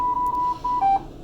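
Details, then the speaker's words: Draeger ventilator placed into standby via the standby or power button and rotary knob before shutdown: a steady high pulsing electronic tone dropping briefly to a lower pitch, the standby alarm safety feature. "You have to place the vent into standby, again, entering it by pressing on the rotary knob. It will alarm letting you know you're in standby. This is a safety feature in case you still had someone on a vent."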